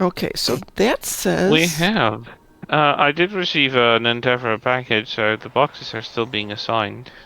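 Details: Adult man speaking; ordinary speech.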